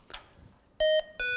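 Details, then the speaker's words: Hamilton-T1 ventilator low-priority alarm: two clear electronic beeps that do not recur, with the yellow alarm lamp lit. "there's three different levels of alarms high priority medium priority and low priority a low priority alarm"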